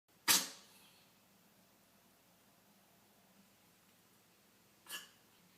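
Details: A cat gives two brief, sharp, explosive coughs several seconds apart in a quiet room; cat cough.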